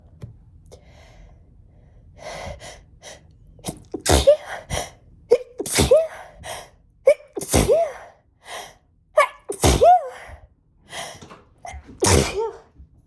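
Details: Intense itchy sneezing fit: a rapid run of about five forceful sneezes, each preceded by a quick catching inhale, with a burning face, buzzing nose and very watery eyes and nose.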